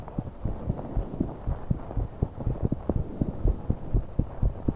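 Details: Heartbeat and breathing of a 21-year-old woman on an exercise bike, recorded to capture breath sounds with much noise: fast low thumps about 120 a minute under heavy rushing breath; quickened heartbeat during exertion.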